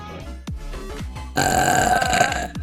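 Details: Long, loud burp during a vtuber livestream, with music playing in the background; burping.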